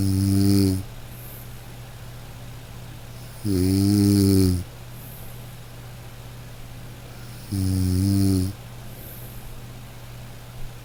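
Loud, low, buzzing snores about every four seconds, roughly 15 a minute, steady and regular over a constant background hum.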